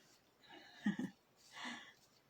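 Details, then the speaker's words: Dog napping in a quiet room, soft noisy breaths in and out with a brief low rattling flutter: snoring. "i don't know if you can hear a cookie but she's over here snoring away"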